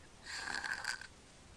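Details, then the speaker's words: Sleeping infant with breath-holding episodes, mouth-breathing and not congested: a single harsh, rasping snore, obstructed breathing before gasping for air. "you can hear him snoring he's breathing through his mouth and up to his nose and he's not congested now oh there he goes saw that no he's gasping for air"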